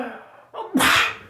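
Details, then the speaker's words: A single adult sneeze: a quick indrawn breath, then a loud, sharp hissing burst in a concrete-walled studio room. "you can sneeze and the light goes on and you can sneeze and the light comes back on"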